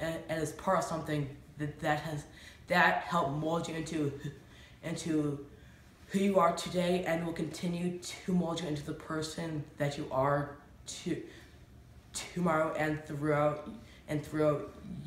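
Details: Stuttering in a female speaker who says it has affected her less as she has grown and matured; audible word repetitions.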